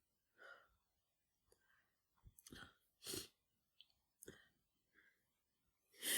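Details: Person with flu sneezing repeatedly: a quiet recording with breathy sounds and a few sharp sneeze bursts.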